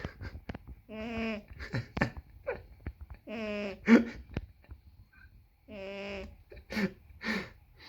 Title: Snoring cat 😻